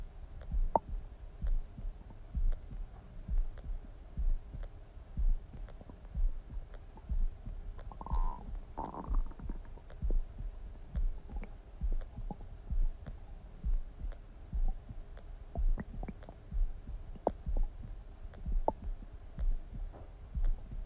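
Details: Soft, regular low thumps with a brief gurgling rumble midway from the recorder's own stomach: ordinary bowel sounds, stomach rumbling.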